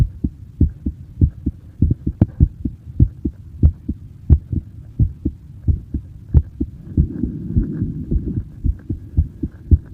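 Fast, regular paired heart sounds at about 120 beats a minute with faint rumbling background; a normal heartbeat at a child's quick rate.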